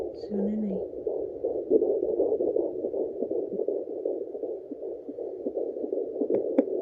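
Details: Fast, soft galloping fetal heartbeat through Doppler hiss, heard at home with a handheld fetal Doppler at about 19 weeks and 3 days of pregnancy; slower, lower sounds are the mother's, not the baby's.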